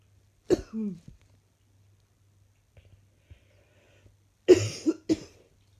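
Two separate coughing episodes in a quiet room, each a sharp burst followed by a brief rough tail; four coughs in total.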